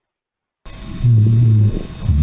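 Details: Simulated auscultation in a lung sounds teaching practice, presented alongside asthma: low snoring continuous rhonchi through the breath with a few scattered pops; crackles with superimposed rhonchi.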